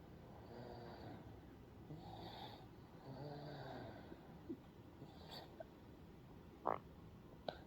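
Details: Soft, quiet rasping breaths with a faint nasal rattle and a few small snorts from a sleeping baby; parent notes the baby snores loudly. Light infant snoring.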